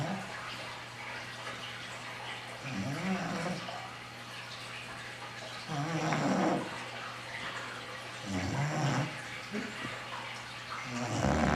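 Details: Sleeping bulldog gives loud, rattling snores about 22 a minute over a low room hum; possible sleep apnea is raised; snoring.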